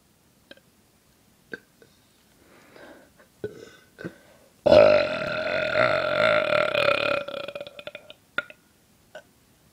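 A long, loud, throaty burp lasting about two and a half seconds, preceded by small clicks and breathy sounds.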